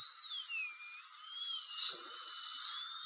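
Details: High-pitched steady whine of a dental drill, its pitch wavering under load: opening the embrasures from the lingual side on Lumineers veneers on an adult woman.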